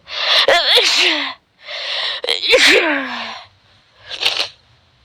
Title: sneeze allergy